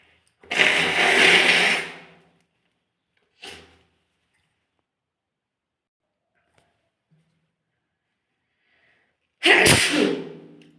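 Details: Person sneezing: two loud, explosive sneezes with a brief smaller burst between them, separated by silence; forceful sneezing.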